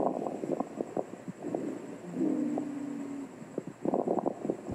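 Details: Crackles from an abnormal breath sounds teaching clip: brief popping, crackling sounds in breath phases, like bubbling water, linked to secretions in the airways.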